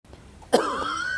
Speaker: भाई को बहुत खांसी आ रहा है।